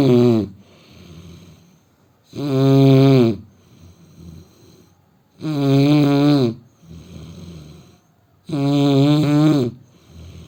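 Loud, rumbling, vibrating snores on each breath in, about 20 a minute, with quieter breathing between them.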